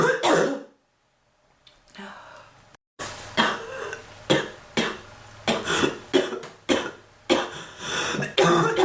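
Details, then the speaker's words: Adult woman still not better from a prolonged cough after earlier bronchitis: rough throat-clearing, then about eight harsh, closely spaced coughs; persistent coughing bout. "I've been coughing so much the bird learned to cough. Like, really? I hate that fucking bird."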